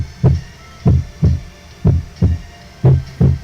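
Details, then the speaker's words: Regular low thumps at about 60 a minute, played in a heart sounds teaching recording to contrast the first heart sound with the second: the normal first heart sound. "Y aquí vemos para que diferencien lo que es el primer ruido cardíaco,"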